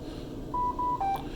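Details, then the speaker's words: Ventilator startup alarm during QC after a vent reset, New Adult mode: three short electronic tones, two equal then one lower, prompting a breathing circuit check before use. "When you turn the vent on, you're going to go to New Adult. Again, make sure you click the rotary knob to enter. You're going to get an alarm that comes up."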